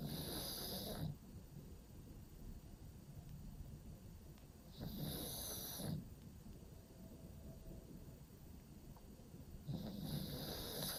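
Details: Pug sleeping in a cave-style pet bed, snoring: loud rattling snores about every 4.5 seconds, roughly 13 a minute, with quiet breathing between.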